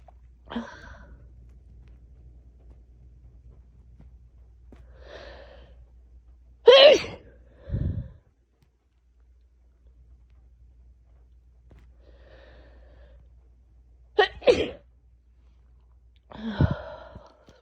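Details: Person with a cold, after long stifling sneezes: several forceful sneezes, each preceded by a sharp in-breath, separated by quiet pauses; sneezing.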